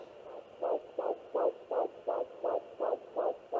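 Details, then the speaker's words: Fetal Doppler at home: rapid, regular whooshing pulses about 165 a minute, the fetal heartbeat found just beside where the mother's own heartbeat was first picked up. "all right so I just took a little break because I thought I had found the baby's heartbeat right away that was mine however however I just found it right beside the spot I was"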